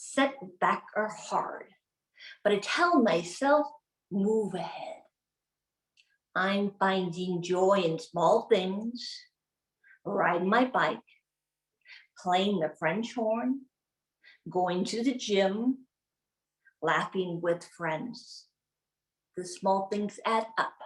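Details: Aphasia in an adult woman, a former congresswoman, acquired from a gunshot wound to the head in 2011; she delivers a relatively new, practiced speech.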